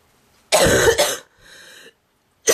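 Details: A girl's harsh, loud double cough with a brassy, goose-like honking quality, then a quieter breath and another cough beginning; she says it makes her eyes water and feels like doing crunches.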